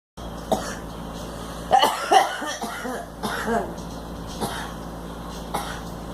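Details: Girl coughing.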